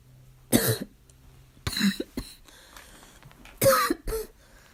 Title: Coughing fit - still barking